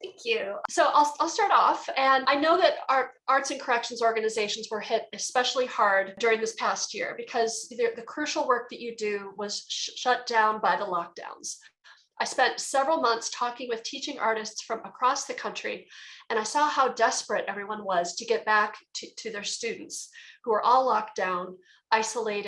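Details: Adult woman who identifies herself as a person who stutters; stuttering.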